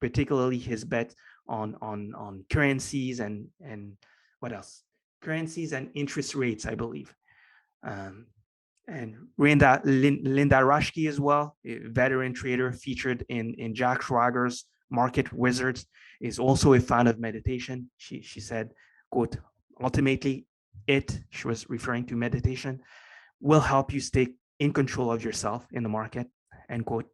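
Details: Mild stuttering in an adult male with a lifelong stutter, present since earliest memory and formerly severe enough to prevent coherent sentences; years of meditation practice have given him more control, so it is now barely audible.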